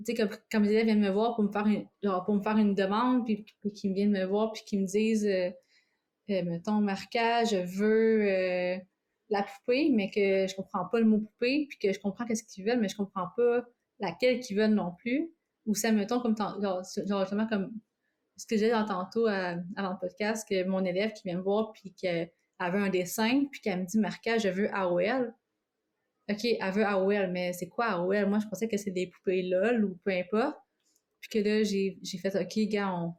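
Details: Cluttering with stuttering in an adult French-speaking woman; she says both worsen, and she speaks faster, with strong emotions, stress or fatigue.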